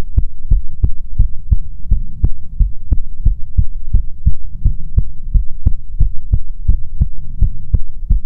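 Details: Steady low thumping, about 88 beats a minute, over a faint hum, in an ASMR heartbeat recording meant to be soothing; normal heartbeat.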